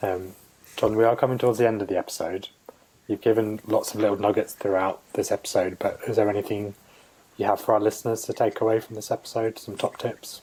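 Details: Adult male speaker, interview; Normal speech.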